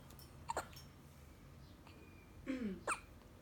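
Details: Two short voiced hiccup-like catches followed by a playful copied hiccup sound; hiccups with imitation.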